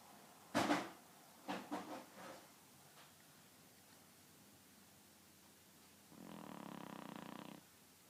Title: My mom Dog Chico sleeping & snoring! R.I.P.